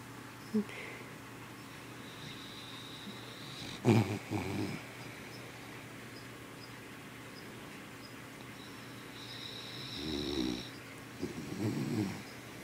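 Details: Sleeping Boston terrier/beagle cross puppy, a very loud snorer: a few brief snorting, grumbling breaths over quiet room noise; snoring.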